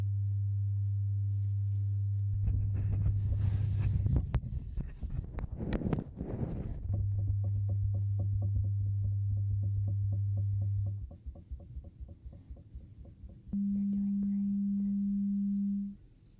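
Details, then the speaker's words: Simulated ASMR ear-exam roleplay, hearing test through headphones, patient says which ear hears it: steady low pure tones, one held several seconds, then a higher tone, amid soft rustling. "Doing the hearing test, and I'm just going to tell you what you need to do for each step, okay? Let me just start it off. For this one, let me know when you hear the beep."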